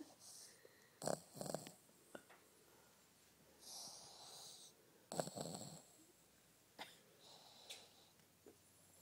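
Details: Sleeping pug with eyes rolling back in his head, snoring with uneven snorts, wheezy whistling breaths and rattling snores at about 15 breaths a minute, with a man's voice nearby.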